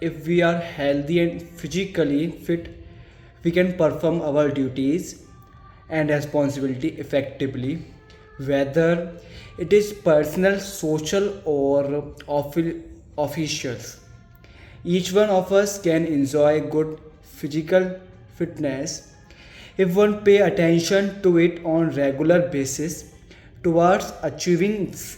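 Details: Stuttering (stammering) in a speaker reading a passage aloud as stammering practice.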